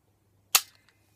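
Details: A single sharp, loud snap in a quiet room as a spring-loaded inserter fires an insulin pump cannula into pinched skin during a diabetic patient's cannula change on an Accu-Chek Insight pump.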